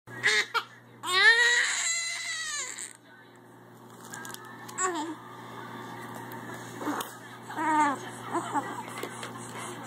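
Several short wailing cry bursts with quieter fussing between them in a small room; an ordinary infant cry.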